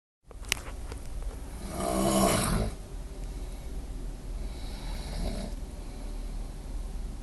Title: Roomate extreme snoring